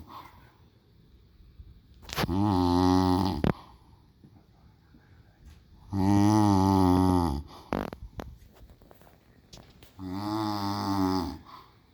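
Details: Loud, rattling snores on the in-breath, three in twelve seconds with quiet pauses between, about 15 breaths a minute; ordinary snoring.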